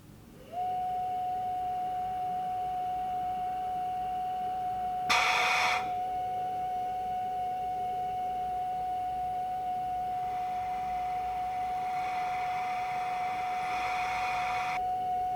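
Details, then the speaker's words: Panther 5N dedicated NIV ventilator circuit check: a steady mid-pitched tone with a brief hiss burst, then airflow hiss, as the new patient circuit is occluded during calibration following on-screen instructions. "Select begin circuit check. Occlude the circuit and follow the instructions on the screen."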